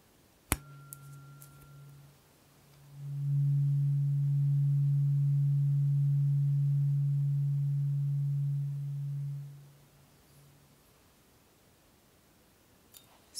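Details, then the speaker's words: Tuning fork tone in an ASMR simulated hearing frequency test: a strike, then a steady hum held to each ear for several seconds before fading; third of eight forks, slightly higher frequency than the previous one. "so the third one you'll notice they get smaller as the frequency gets higher so again slightly higher first ready"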